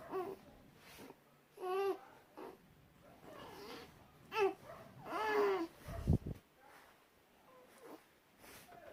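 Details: Newborn girl grunting during frequent stretching episodes, first feared to be seizures but found normal: short strained grunts and squeaky whimpers, soft background music.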